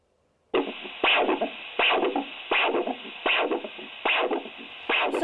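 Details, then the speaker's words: Leg Doppler assessment for leg ulceration: rhythmic whooshing arterial pulses with three parts per beat: normal triphasic Doppler arterial waveform. "you hear within that waveform there are three beats to it and that's a normal trice phasic way from"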